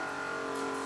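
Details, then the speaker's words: Zeiner portable medical suction pump switched on at the selected suction level: steady motor hum with a constant tone, running normally. "Turn the suction unit on and select the desired suction level."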